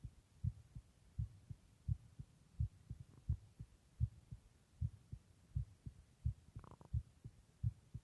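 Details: Own heartbeat recording: soft regular paired thumps at about 80 beats a minute with low hum behind; an ordinary normal heartbeat.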